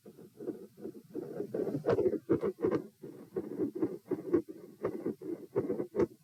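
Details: Stethoscope heart sounds recorded at position P during a lie-sit-stand-bob-stand stress test (HR 84-90-90-102-114, unusually low response): paired thumps around 80–90 bpm with marked phasic speeding and slowing.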